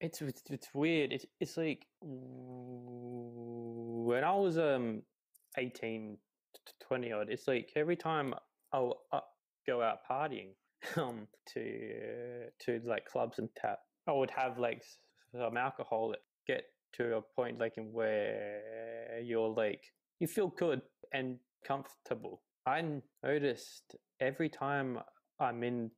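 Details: 28-year-old man who has stuttered his whole life, since about age three; repetitions and fillers; stuttering.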